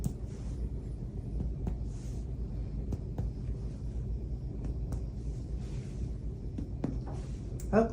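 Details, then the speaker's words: Thorax and pulmonary exam: paired finger-percussion taps working down the lower chest, comparing sides and moving lower and lateral, with a hollow, drum-like tympanic note over the gastric air bubble. "got a tummy bubble there you can hear the difference in the sound and again go a little bit lower and lateral"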